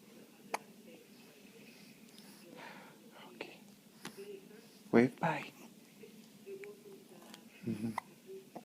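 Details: Infant's first hiccups, with some nasal mucus: a few short, abrupt catches in breathing, a couple close together, in a quiet room.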